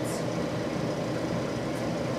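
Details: An oxygen concentrator with a bubble humidifier bottle runs with a steady low motor hum and a faint airy hiss, shown in an oxygen demonstration.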